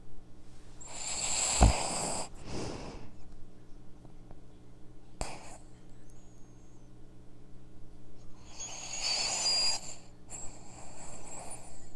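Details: Sleeping dog snoring, recorded with a microphone: slow, noisy breaths with low rattling on inspiration, about two breaths in twelve seconds.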